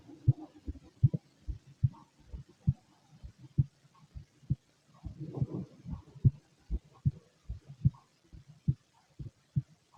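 Steady, regular low heart thumps at about 70 beats a minute, with faint gurgling between beats.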